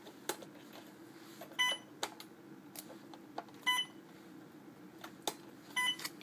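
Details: A PCA pump being programmed in a nursing training demonstration: three short electronic beeps from the infusion pump keypad, with faint clicks and room noise; normal device feedback tones.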